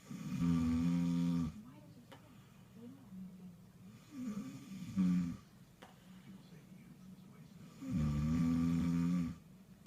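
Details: Adult man asleep, heavy snoring: deep, loud rumbling snores on the in-breath about every four seconds, softer noisy breaths between.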